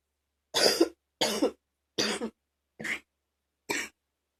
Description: Some coughing at night with my boyfriend trying to be quiet, and some deeper coughing from this AM, enjoy xox